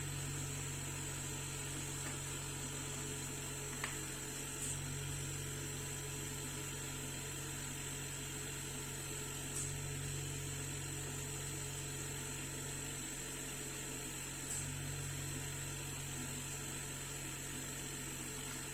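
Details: Oxygen concentrator compressor running during repair testing; the unit was not producing oxygen and was being checked for leaks.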